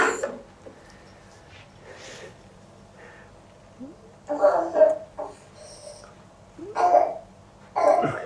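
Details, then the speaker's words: Croup in a three-year-old boy, home recording in a bathroom: several harsh, seal-like barking coughs. "well you can hear it she can hear the barking cough and Australia oh the pictures not that interesting"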